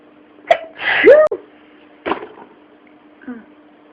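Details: Sneezing fit: a sharp intake followed by a bursting sneeze, then a second smaller sneeze, over a steady background hum.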